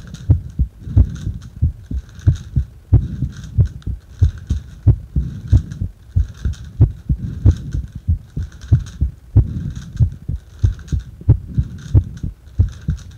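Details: Heart sounds recorded while breathing into a paper bag: regular, strong heartbeats at about 90 a minute.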